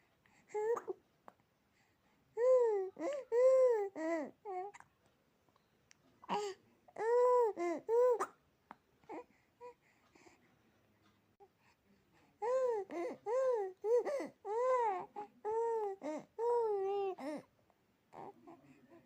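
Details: Newborn baby girl upset by frequent hiccups, crying: fussy, short, high-pitched wailing bouts separated by pauses, in a quiet room.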